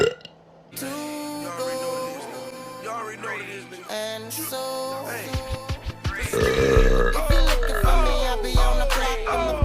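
Long, low, drawn-out voiced belches over loud background music, consistent with burping.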